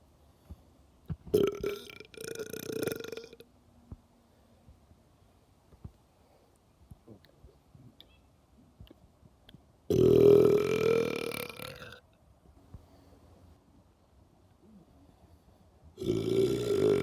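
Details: Burping: a person records repeated burping, three loud, drawn-out, voiced belches separated by quiet pauses.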